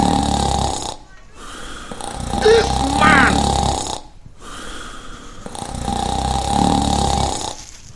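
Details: Person snoring while sleeping in a market place.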